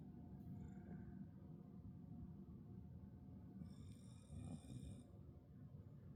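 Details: Wheezing in Bailey, a dog, recorded 7/24: rough, snore-like breathing with a brief high whistling tone partway through.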